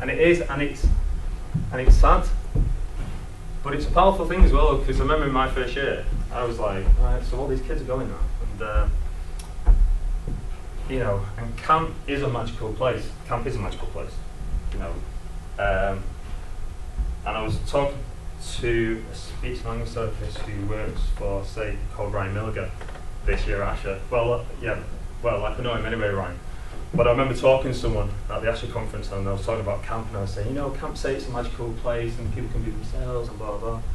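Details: Adult male presenter who lives with a stammer; stuttering.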